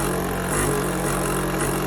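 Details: Portable suction machine for children, running while its negative pressure is adjusted (80–120 for a baby); noted as very noisy but suctioning well: a steady loud motor drone with a low hum.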